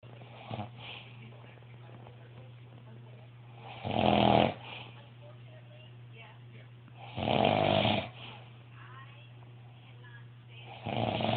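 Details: Loud, harsh snores about every three to four seconds, roughly 17 per minute, over a steady low room hum; snoring.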